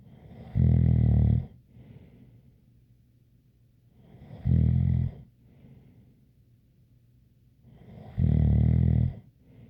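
Loud, regular, rumbling snores on each in-breath, three in ten seconds (about 18 a minute), with a faint whistle on the out-breath.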